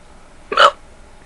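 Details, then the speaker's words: Hiccup during an ongoing hiccup spell that keeps stopping and then returning: a single abrupt, voiced catch of breath against a quiet background. "I love how my hiccups like to make a fool of me they're like go ahead talk about say they're gone say we're gone then they just come back"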